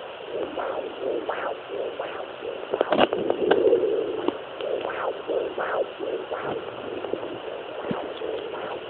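Rhythmic whooshing pulses through static hiss, the sound of a fetal heartbeat picked up by Doppler.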